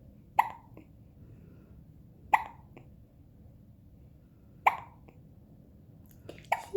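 Brief sharp gulping clicks recur irregularly, about five in seven seconds, typical of hiccups.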